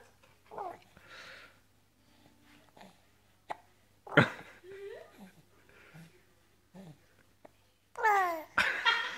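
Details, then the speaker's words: Hiccups in a baby boy sitting in a bouncy seat: short, abrupt hiccups that make him jump, mixed with baby noises and an adult voice. "You don't like the hiccups, huh? The hiccups? The hiccups making you pass?"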